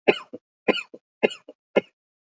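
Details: Four short deliberate voluntary coughs in quick succession, each with a brief trailing catch, in a quiet room, recorded for a COVID-19 cough screening test demo.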